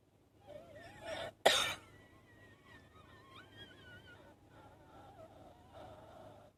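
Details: A single sharp cough with whistling wheeze before and long wavering wheezy tones after it: short wheezy allergic cough.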